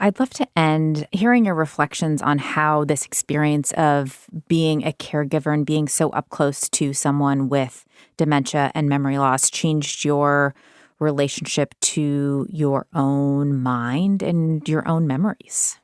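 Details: Adult woman speaking; normal speech.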